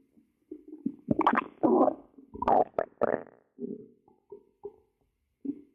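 Low gurgling and bubbling rumbles in irregular bursts in a quiet room: stomach growling, ordinary bowel sounds.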